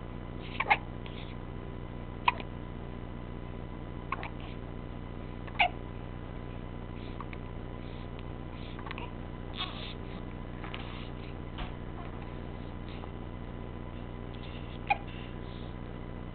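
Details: Hiccups: faint, sharp, abrupt clicks at irregular intervals, about five in sixteen seconds, against steady room hum.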